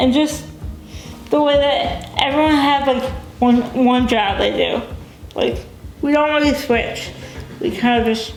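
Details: Dysarthria in a young adult woman with cerebral palsy, a brain injury before birth; she uses a wheelchair, cannot walk, has limited fine motor skills and says she is sometimes hard to understand.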